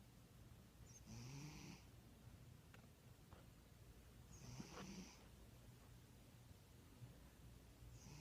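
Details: Cat napping: loud snoring.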